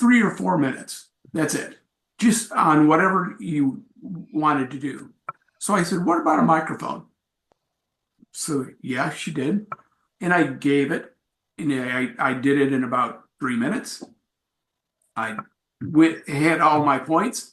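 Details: Adult male with aphasia acquired from a traumatic brain injury in a bike accident without a helmet, followed by about a month in coma; about four and a half years post injury; real speech at an aphasia support group.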